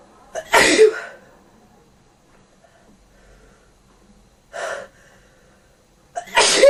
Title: In bed cold sneezing